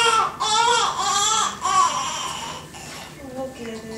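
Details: Newborn just delivered after unmedicated birth, with cleft palate; loud, high-pitched rhythmic wailing in strong bursts with short breaths between, fading to softer whimpers; vigorous newborn cry.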